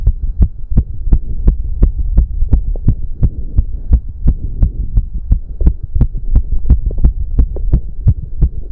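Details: Male's strong, regular, rapid heartbeat at about 170 a minute during a 30-minute cardio workout, with heavy breathing over a low rumble: exercise-induced tachycardia.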